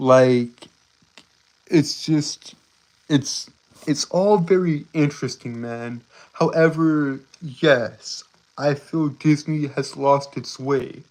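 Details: Stuttering in a male streamer who reports a speech impediment that makes him stutter and trip over his words.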